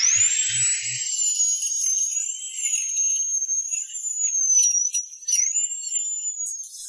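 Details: A steady, very high-pitched drill whine wavering slightly in pitch: a small 8 mm dental implant bit pre-drilling the dense alveolar bone after anaesthesia and a gum incision.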